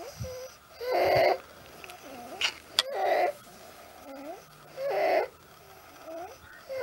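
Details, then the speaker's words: An acutely ill, distressed child cries loudly between harsh, high-pitched whistling breaths drawn in, possibly from an upper airway problem, infective or non-infective: inspiratory stridor. "It's a high-pitched inspiratory stridor, right? This is a high-pitched inspiratory stridor, maybe due to an upper airway issue."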